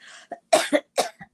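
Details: A short burst of three harsh, dry coughs, with a brief breath before them, from an adult woman, a grandmother who says she can't talk easily this morning, heard during a live talk broadcast.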